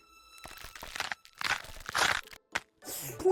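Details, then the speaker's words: Knee crepitus in an arthritis patient: repeated dry crunching and grinding bursts from the knee joint, with faint music or sound effects in the background. ">> 우악 이게 무릎에서 나는 소리라고요?네 >> 소리는 [음악] 바로 관절염 환자 무릎에"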